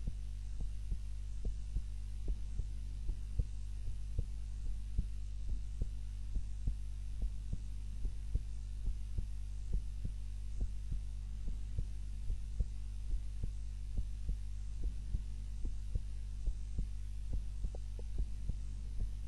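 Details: Own heart sounds recorded on a timer while napping, lying on the back (supine) rather than the usual face-down position: soft, steady heartbeat about 72 a minute under a strong low hum; normal resting heart sounds during sleep.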